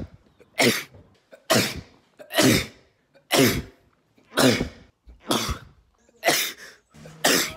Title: i recorded myself sneezing 100 times